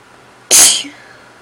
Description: Just a few sneezes.